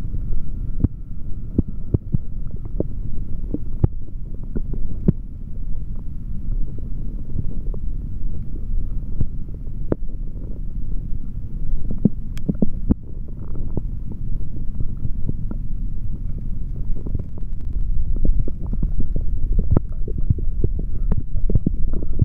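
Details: Adult male after drinking chocolate protein shake, stethoscope on abdomen: low gurgling rumbles and scattered clicks, normal active bowel sounds.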